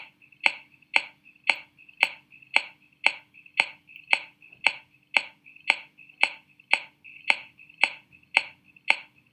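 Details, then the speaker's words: Teaching example of finger percussion: steady short, slightly muffled taps, about eighteen in nine seconds; impaired note (submatidez), normal where lung lies in front of the liver. "Bien, chicos, entonces esto es lo que nosotros denominamos submatidez."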